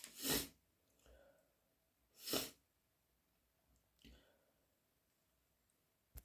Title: Coming down with a cold again! 2 snotty sneezes and a nose blow!